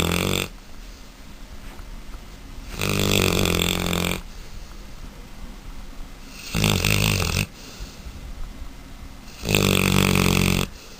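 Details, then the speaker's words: Mastiff puppy snoring loudly with eyes open: rattling snores about every three to four seconds, around 17 a minute, with quieter breathing between them. "Nico! Snoring bastard! Nico, wake up! You snore with your eyes open."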